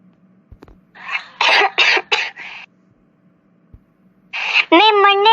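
A short run of about four harsh coughs, then a brief cough followed by a voiced sound.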